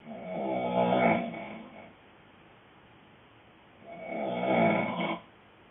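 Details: Adult man (boyfriend) snoring loudly: two loud, rumbling snores on breathing in, separated by a quiet pause, with a noted rattle; ordinary heavy snoring.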